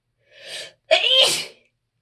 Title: rapid allergy sneezing